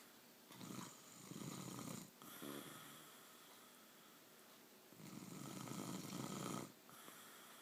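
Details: Snoring in a sleeping mother: loud, rough, rattling breaths in a quiet room.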